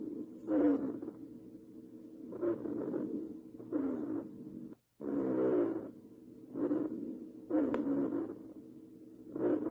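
Repeated low-pitched snoring, rumbling sounds with each breath, coarse and continuous: rhonchi.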